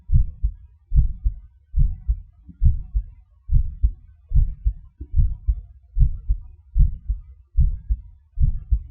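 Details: Heart sounds recorded with gated MRI: regular paired low thumps at about 73 beats per minute.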